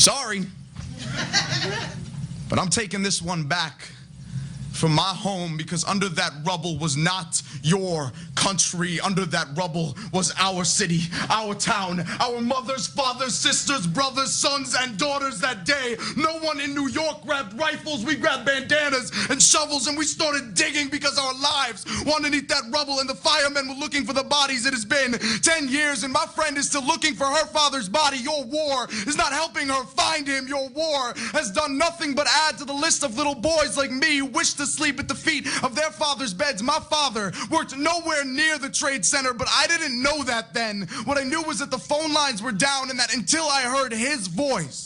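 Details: Adult speaker performing spoken-word poetry; typical speech.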